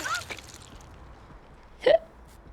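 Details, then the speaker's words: A single sharp, abrupt voiced catch of breath with faint room noise and brief vocal sounds before it, from a streamer chatting while playing a video game, who then says they got hiccups; hiccups. "my god, I got hiccups."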